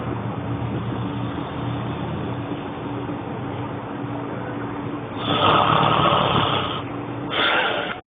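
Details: Adult snoring (dad): steady low room hum, then two loud, rough, rattling snores in quick succession, startling a baby.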